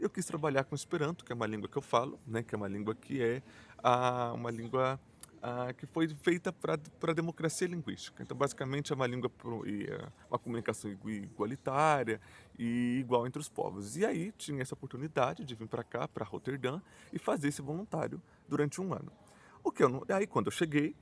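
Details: Portuguese-speaking adult who stutters, self-described as mostly blocks and silences with some repetitions; stuttering.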